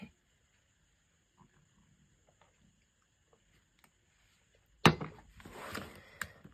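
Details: Adult woman with a really sore throat and bad cough (unsure whether it is COVID) recorded while talking: near silence, then one sudden harsh cough burst followed by rustling.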